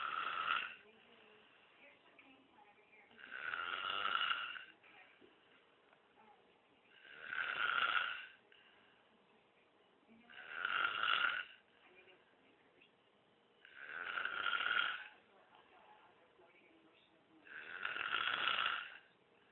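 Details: Sleeping monkey snoring: regular, rough snoring noises on each breath, about 6 breaths a minute, in a quiet room.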